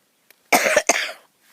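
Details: A short, harsh, dry cough of two quick bursts after a faint intake of breath, outdoors while talking; the person says talking brings on the coughing.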